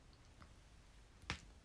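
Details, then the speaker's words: A young woman's shoulder gives one sharp, sudden crack in a quiet room while she is talking. It is painless, and she says her body often cracks: harmless shoulder joint cracking. "めっちゃ肩ボキって言った。びっくりした。びっくりした、ほんとに。"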